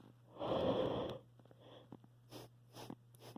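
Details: Adult with a mild cold deliberately inducing sneezes: a long drawn-in hitching breath, then a stifled, held-back sneeze burst followed by a few short sniffy after-sounds.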